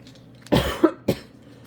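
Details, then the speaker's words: A 50-year-old woman gives two abrupt, noisy cough bursts in quick succession, the first longer with a rough tail, in a quiet room, a frog in the throat: a spontaneous cough. "[toux] Pardon. un chat dans la gorge."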